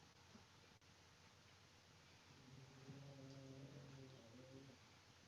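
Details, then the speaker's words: Faint, drawn-out tonal rumbling breath from a sleeping pet dog against quiet room noise, heard during an online seated exercise class; snoring. "and if anybody's wondering what that sound is it is the sound of my dog eliza snoring because i think you can hear that all right now"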